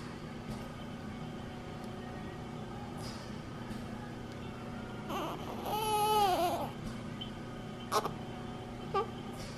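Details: Brief wavering cry rising over room noise, then short whimpers, from a baby born at 29 weeks, home from NICU on oxygen via nasal cannula, as facial tape is removed with adhesive remover wipes; infant crying.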